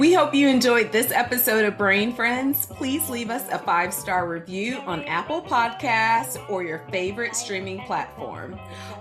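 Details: Adult speaker; normal speech.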